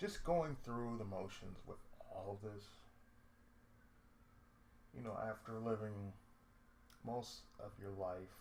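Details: Adult male with cerebral palsy, lifelong, with speech problems since childhood; he reports an occasional lisp, breaks where he cuts himself off mid-sentence, pauses, and a drawl he calls sudden and sleepy; speech affected by cerebral palsy.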